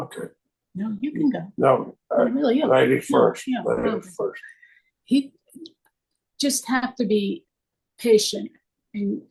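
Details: Aphasia caused by stroke in a woman 24 years after the stroke.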